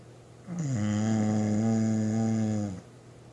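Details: Sleeper at rest, snoring: a single drawn-out, steady, droning groan-like snore lasting about two seconds.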